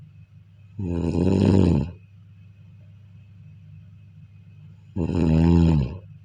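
Two long, rattling snores about four seconds apart with quiet breathing between: ordinary snoring, near 14 breaths a minute.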